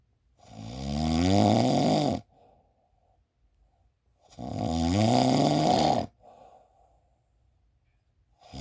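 Long, rough snores of about two seconds, roughly 16 a minute, each followed by a short soft breath out. Steady, repeated snoring.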